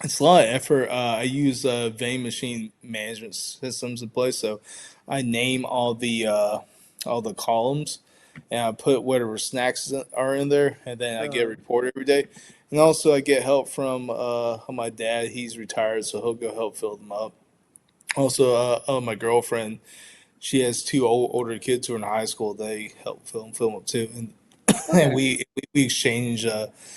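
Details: Adult man who stutters, pronounced with blocks in childhood, varying day to day, showing repetitions; stuttering.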